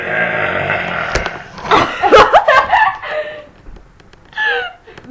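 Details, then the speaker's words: Two girls, best friends, burp deliberately: a drawn-out voiced burp, then laughter and another short burp. They are air burps made without carbonation. "hi I'm and that's and today we're going to show you how good we can burp sound good"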